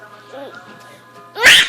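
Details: Over a faint music bed with a brief voice sound, one sharp noisy burst at the end: a single sneeze, heard by a laughing 1-year-old.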